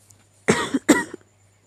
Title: 気持ち悪い咳 sick cough and sneeze